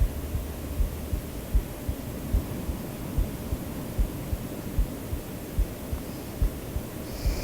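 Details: Normal heartbeat, the maker's own recorded heartbeat added to a sleep-aid track: soft, regular low thumps at about 75 a minute beneath a steady hiss of white noise.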